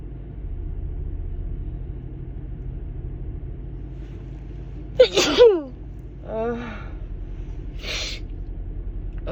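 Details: Female with a stuffy, itchy nose from allergies: a quick gasping inhale, then a forceful sneeze and a second shortly after, over steady vehicle rumble; allergy sneezing.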